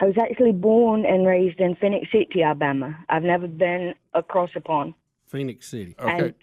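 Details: Adult woman who developed a British-sounding accent after head trauma in a 2011 tornado, never having lived abroad; accent varies over time and with mini strokes or anger; foreign accent syndrome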